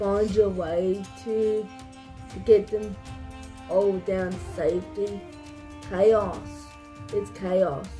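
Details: Adult speaker with cerebral palsy, narrating, with background music; speech in cerebral palsy.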